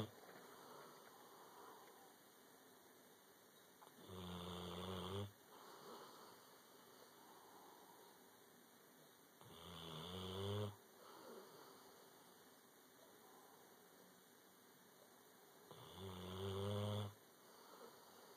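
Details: Snoring during sleep: slow, rumbling snores about every six seconds, roughly 10 a minute, with quiet breathing between them.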